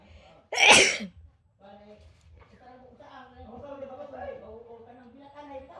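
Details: Sneeze set off by tickling a large nose, with nose blowing: one loud, explosive sneeze followed by quiet voiced sounds and murmuring.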